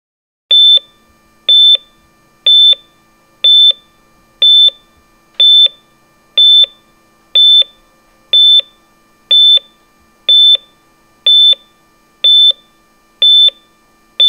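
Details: Hospital heart monitor sound effect: steady, perfectly regular high-pitched beeps at about 61 per minute, tracking a normal heart rate.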